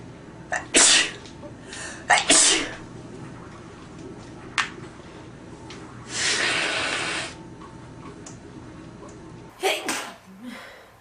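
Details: Several loud sharp sneezes, each with a brief intake before it, plus a longer nose-blowing noise against faint room noise.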